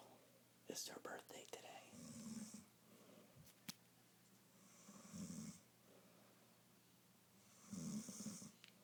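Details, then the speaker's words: Birthday girl snoring: three slow, rough snoring breaths a few seconds apart, each with a soft hiss. "snores like a plumber even the cat can't sleep"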